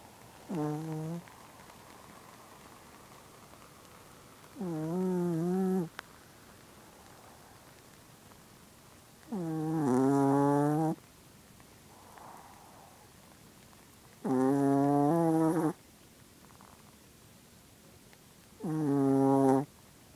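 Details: A sleeping pet dog gives five tonal, droning snores at about 13 breaths a minute, with quiet gaps between.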